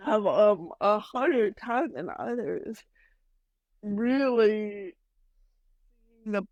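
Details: Adult woman with mild cerebral palsy, which she says mainly affects her speech and motor skills, speaking in a real podcast interview; dysarthria (cerebral palsy).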